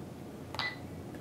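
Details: Single short electronic beep in a quiet room as a Sigma Spectrum infusion pump is programmed for an IV alteplase loading dose, 0.09 mg/kg over 1 minute, 75 kg patient; infusion pump keypad beep.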